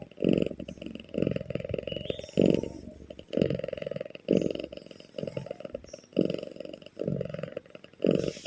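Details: Loud snoring in a resting cat: rumbling rattles on each breath, about eight in as many seconds, heard as heavy snoring or purring.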